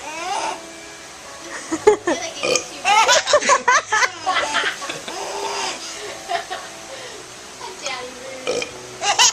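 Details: Adult father burping deliberately to amuse his baby: several voiced burps mixed with laughter and talk; playful ordinary belching.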